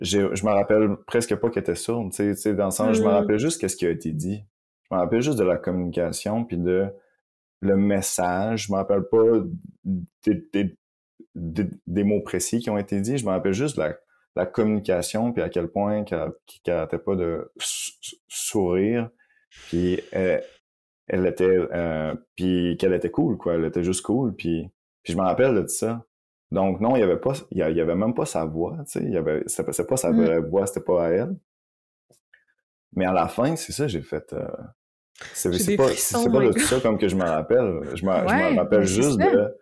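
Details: Adult man who stutters and reports blocks when speaking; real, natural conversational speech; stuttering.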